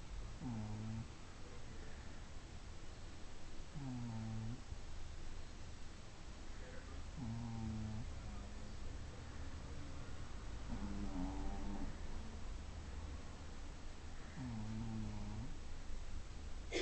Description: Gigi, the chubby Shih Tzu, is snoring in this video as she takes a nap. It is rare to see/ hear a dog snore!